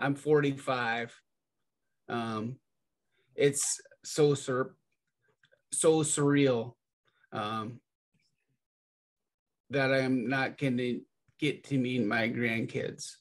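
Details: Primary progressive apraxia of speech in a 45-year-old man, with the diagnosis confirmed by PET scan.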